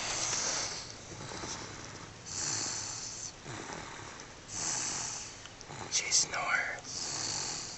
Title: Even the cutest snore!